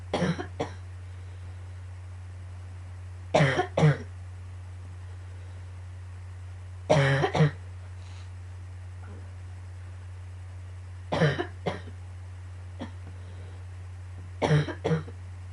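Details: Recurrent annoying cough: five short bouts of two or three dry coughs each, a few seconds apart, over a steady low hum.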